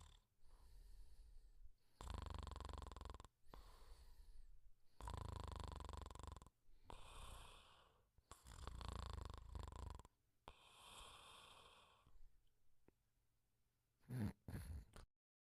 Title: The Pink Panther Sleeping & Snoring Quietly